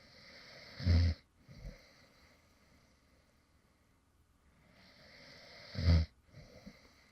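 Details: Man who fell asleep while recording: two short, low snorting snores about five seconds apart, each followed by a softer breath; light snoring in sleep.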